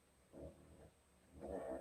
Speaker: My dog is snoring her ass off right now.